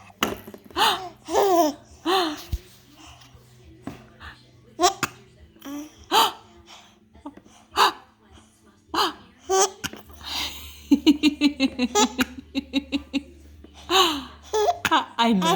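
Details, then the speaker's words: Baby girl giggling and babbling with hiccups: short, sharp, jerky voiced catches repeating between laughs, with an adult voice and faint music in the background. "oh my God what do you do foreign you got the hiccups"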